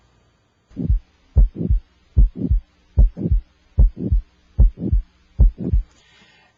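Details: Steady, regular paired lub-dub beats at about 74 a minute, heard moving up toward the aortic area with an electronic stethoscope, S1 timed by radial pulse; normal first and second heart sounds without a murmur.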